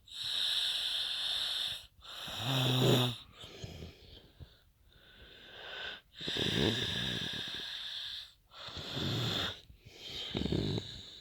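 Loud, harsh, whistling snores repeating in cycles with brief gaps between breaths. Loud snoring.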